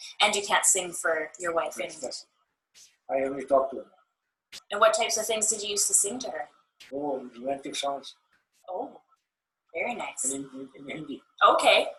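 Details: Adult clinician in conversation; typical speech.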